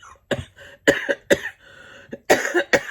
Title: DITL VLOG - can't stop coughing (day 2902)